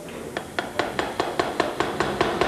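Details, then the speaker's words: Eleven sharp, evenly spaced metallic taps, about five a second, as a surgeon hammers a tight-fitting stainless steel artificial neck joint into place. This follows spinal cord decompression under the operating microscope, in a 1996 broadcast. "Then I put in the joint. And that can sometimes be a bit tricky because it's a very tight fit. We have to actually hammer the joint home."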